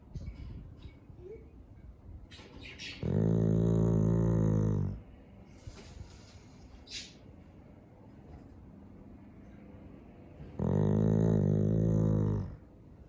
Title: Chow Chow Snores